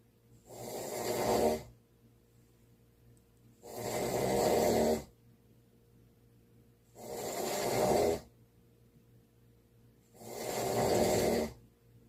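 Four loud, rasping breath-in snores, evenly spaced about every three seconds, near 19 breaths a minute, with quiet gaps between. Snoring.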